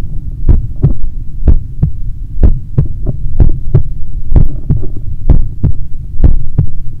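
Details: Own heartbeat recorded on waking in the morning: deep regular lub-dub thumps at about 63 beats a minute under a low steady hum; normal heartbeat.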